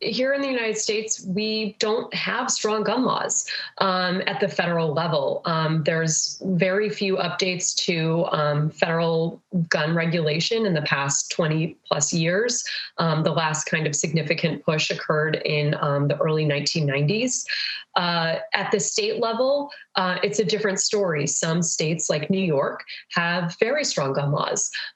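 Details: Adult woman; ordinary speech.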